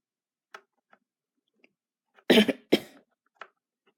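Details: A person coughs while unwell: two harsh cough bursts with faint clicks and small noises around them.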